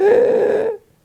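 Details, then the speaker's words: Imitated laryngospasm, vocal fold spasm shutting off air during abrupt, frightening breathing difficulty: a brief, high-pitched, strained crowing noise as air is forced through tightly closed vocal folds; stridor. "one simply wants to breathe normally but instead the vocal fold spasm to close the vocal folds air is shut off completely and the person makes a funny noise"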